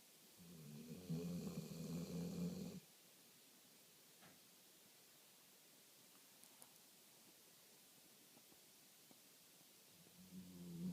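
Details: Old dog snoring in deep sleep: a soft, fluttering snore lasting a couple of seconds, a long quiet pause, then the next snore starting.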